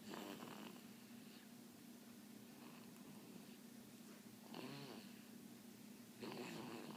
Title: Lexi snoring lol